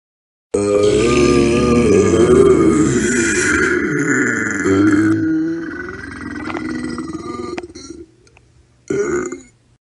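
A long, loud, rumbling belch followed by a shorter second burp, from a sound-effect collection.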